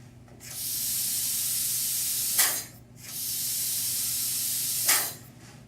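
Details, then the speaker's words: Hiss of compressed air vented from dental tubing connected to the back of a dental unit box while the foot pedal is pressed, with no air pressure gauge fitted (target range 26–58 psi): two long, steady hisses, each ending in a brief louder burst. "now if you happen to not have an air pressure gauge connect the dental tubing directly to the back of the box and step on the foot pedal"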